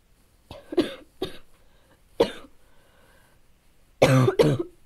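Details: Child's sudden coughing fit of about six harsh, forceful bursts with a hoarse, honking edge on the last two: barking cough.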